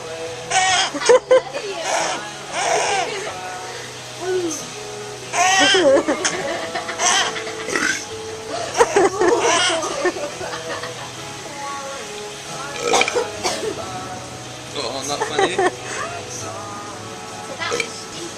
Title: Daddy burps for baby